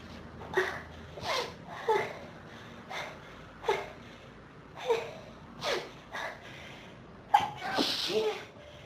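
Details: Sneezing fit in a person with pollen and dust allergies since about age 14, triggered by a dusty room: repeated short, sharp nasal bursts and breaths, about ten in nine seconds, with a burning nose and sneezes that keep coming.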